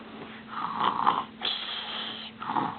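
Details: Sleeping person snoring: a rough, fluttering breath followed by a high, whistling nasal exhale.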